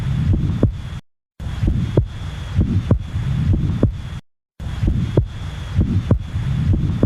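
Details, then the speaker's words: Repeating heartbeat through a stethoscope, with a short soft whooshing murmur just after the first heart sound that fades early in systole: an early systolic murmur. "This is the Early Systolic Murmur"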